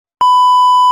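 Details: Fetal Doppler device being tested: a steady, pure electronic beep after a moment of silence.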